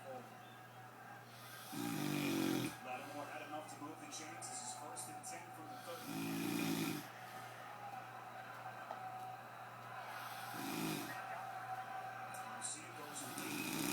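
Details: A person snoring: three loud, rough, rattling snores on breathing in, each about a second long and several seconds apart, over steady room hum.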